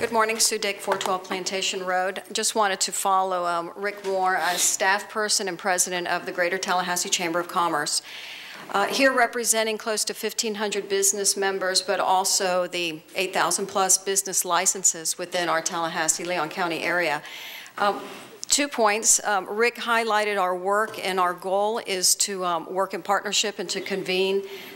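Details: Adult woman who states she has a vocal tremor, speaking at a public hearing; vocal tremor.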